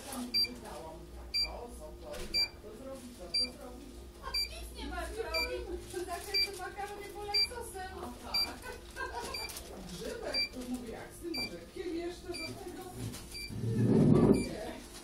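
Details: Therapeutic laser rehabilitation after plate-and-screw fixation of the humeral head: regular short electronic beeps about once a second during treatment, with quiet talk in the background.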